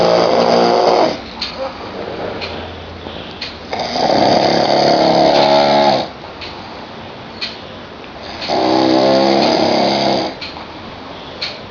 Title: Me Snoring next level